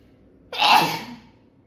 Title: Sneezing And Nose Blowing Challenge Part 18😂😂